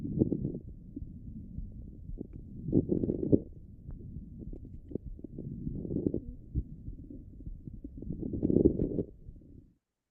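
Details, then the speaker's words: Low, bubbling crackles run through each breath, in inspiration and part of expiration, from airways opening and closing; coarse crackles on lung auscultation. "This is a coarse crackle. We will come to the fine crackle. But you should know the difference between these two. Porse crackle typically occurs in both the phases of ex respiration."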